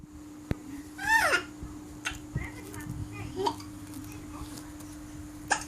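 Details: Baby with hiccups: short, sharp, repeated catches every second or two in a quiet room, with one brief babble. Infant hiccups.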